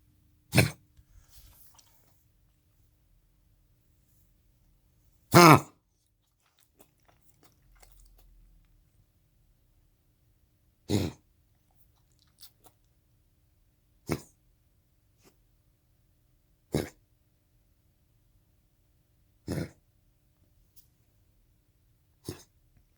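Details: Dog with kennel cough gives repeated harsh, dry honking coughs in short bursts; kennel cough.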